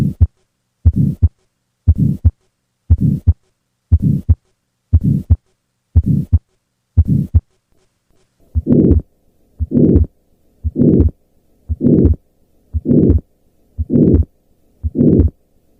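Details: Tetralogy of Fallot heart murmur heard on cardiac auscultation.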